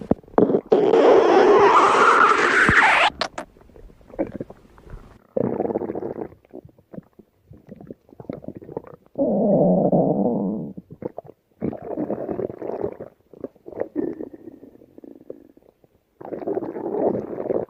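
Loud gurgling and rumbling bursts from the belly, some long and drawn out, others short: ordinary stomach growling, a normal digestive sound.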